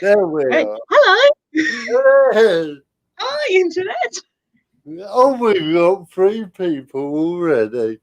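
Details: Dysarthria in an adult male with spastic cerebral palsy. He cannot control his limbs properly and his speech is affected. He attributes it to lack of oxygen at birth, when he stopped breathing.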